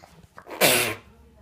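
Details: A child gives one sharp, explosive sneeze after a brief catch of breath.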